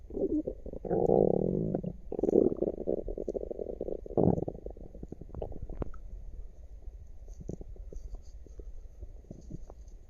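Gurgling, rumbling abdominal sounds followed by scattered soft clicks and pops; active bowel sounds, a normal finding.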